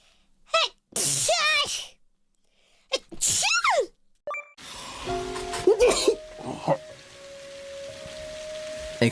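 Two sharp, voiced sneeze bursts, the second with an audible inhale before it, then music and chatter in the background.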